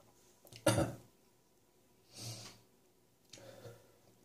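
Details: Morning productive (wet) cough from residual catarrh as a chest infection clears: one forceful cough followed by two softer, breathy clearing coughs.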